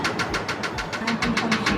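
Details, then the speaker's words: Laser removal of a nevus of Ota birthmark, third session, lesion already much lighter, patient reports no problem; rapid regular hissing pops, about six a second, from the dermatological laser firing. "আমরা লেজারের মাধ্যমে এটা আস্তে আস্তে remove করার try করতেছি"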